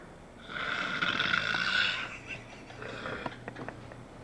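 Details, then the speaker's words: Adult roommate who claimed not to snore, recorded asleep as proof: a harsh, rattling inhaled snore followed by a softer fluttering breath; loud snoring. "esta es la prueba que tú veas que tú roncas duro con cojones, brother."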